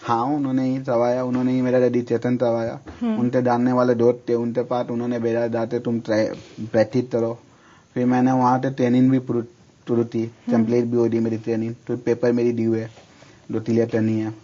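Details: Misarticulation (speech sound errors) in a male speaker who is undergoing speech therapy for it.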